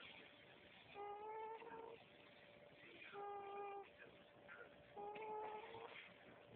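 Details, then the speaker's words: A newborn boy a few days old makes three squeaky, high-pitched, snore-like sounds while sleeping, about 33 a minute, with each breath; the parent is unsure it is a snore: infant snoring. "This is how my little man sleeps. I'm not sure if that's a snore or what it is, but it's really cute."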